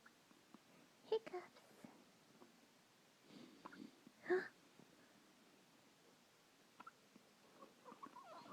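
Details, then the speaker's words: Hiccups in a male: brief, sharp, repeated catches roughly every few seconds in a quiet room. "Oh, hiccup, hiccup, hiccups. Oh, hiccups."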